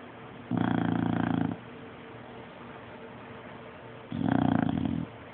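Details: Sleeping Bulldog snoring, which wakes a baby Bulldog: two loud, rumbling, fluttering snores about three and a half seconds apart, with faint room hiss between; flat-faced dog snoring in sleep.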